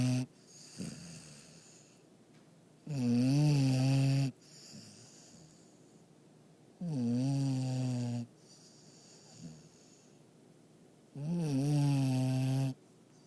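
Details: Female dog asleep, snoring: loud, tonal snores with long voiced inhalations, about 15 a minute, separated by quiet pauses.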